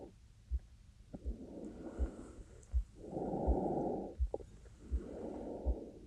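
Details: Breathing of a young female university student recorded for a sleep-aid ASMR: soft, even rushing breaths in and out with faint heartbeat thumps at about 80 a minute underneath; normal breath sounds.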